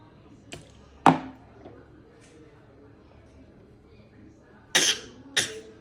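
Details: A young boy gives three or four sharp, short coughs with pauses between them in a quiet indoor room, while being told to raise his arms; coughing.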